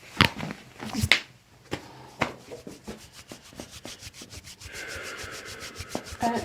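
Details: Chiropractic spinal adjustment of the back during a full-body spinal exam, with the patient breathing out gently: several sharp cracks and pops in quick succession over rubbing and movement noise; joint cavitation.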